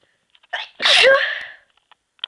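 A short breath in, then one forceful sneeze with a drawn-out voiced tail, partly held back.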